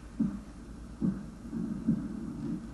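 Regular low heart thumps from an auscultation simulator, heard at the left lower sternal border, about 70 a minute.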